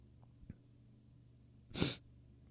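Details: A single short human sneeze over a steady, low room hum.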